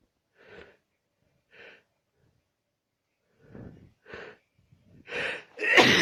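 Soft catching inhalations building to two forceful sneezes at the end; sneezing.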